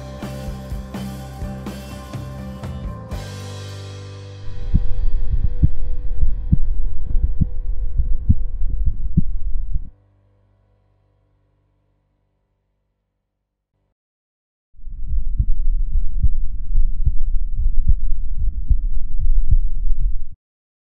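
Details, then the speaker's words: Normal first and second heart sounds of a healthy adult, recorded from the speaker's own chest with a homemade electronic stethoscope (stethoscope head plus microphone): steady low thumps in pairs. "В этом видеосюжете мы попытались показать, что можно записать, а потом прослушать и даже просмотреть звуки собственного сердца с помощью стетоскопа и микрофона."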